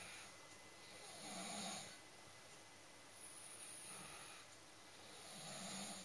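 Soft, regular snoring breaths from a sleeping dog, about 3 cycles over 6 seconds (roughly 30 a minute), against a faint room hiss.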